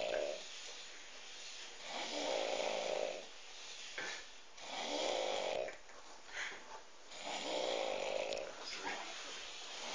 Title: drunk snore